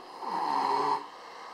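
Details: Snoring: a single drawn-out, droning snore breath in a quiet setting.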